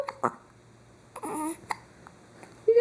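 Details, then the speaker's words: Infant with hiccups: several brief, abrupt voiced catches with a few soft vocal sounds between them, described as big hiccups. "You got hiccups? Do you have hiccups? You do? Uh-oh, hiccups?"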